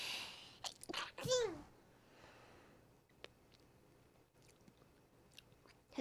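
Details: A young woman streaming announces an incoming sneeze; a brief airy rush and short catches of breath, then one sharp voiced burst falling in pitch, a single sneeze, followed by quiet room sounds.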